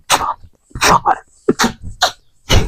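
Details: Adult man with Tourette syndrome, tics since about age 7 and diagnosed at 17; a phonic tic brought on by thinking about it; vocal tic (Tourette syndrome).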